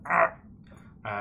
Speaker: like the point where you can hear my stomach on the mic is probably the point for which I need to start getting some food